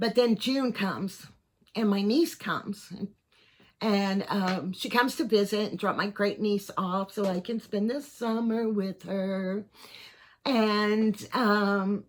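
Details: 55-year-old man, neurologist unsure if Parkinson's disease, cervical dystonia or both; tremor in voice, head and hands since about January 2024, worsening; on carbidopa-levodopa and neck Botox injections; finding: voice tremor.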